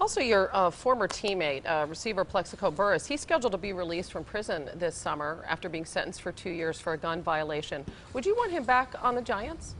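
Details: Adult speaker; normal speech.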